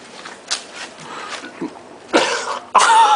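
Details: Several sharp, explosive bursts of air with breathy buildup between, like a run of sneezes or coughs, reportedly sneezing beer after a beer bong.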